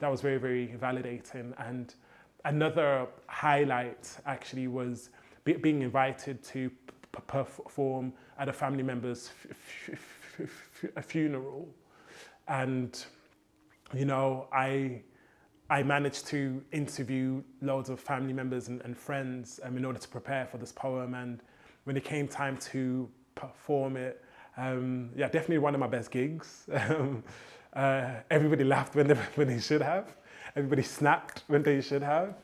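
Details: Stuttering (stammer) in a male poet, present since childhood; he says rhythm and melody help his fluency.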